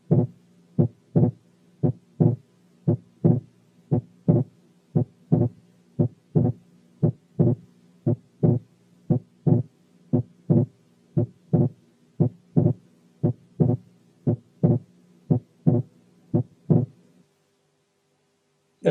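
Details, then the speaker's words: Complete right bundle branch block: regular heart sounds near 58/min with wide splitting of the second heart sound that increases with inspiration. "الحالة الثانية كانت complete right bundle branch block with wide splitting of the second sound that increases with inspiration."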